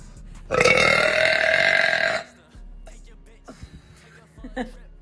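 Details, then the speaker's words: Woman, gassy all day, burping: one long, loud, resonant belch lasting nearly two seconds, followed by quiet room sounds. "I've been so gassy all day today once I start I can't stop watch oh my gosh"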